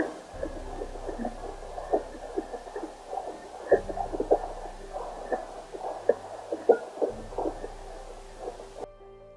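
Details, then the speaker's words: Fetal heartbeat picked up by a BabyBeat Doppler connected to a phone app: rapid, faint whooshing pulses with scratchy probe noise. "your baby's heartbeat sound will sound something like"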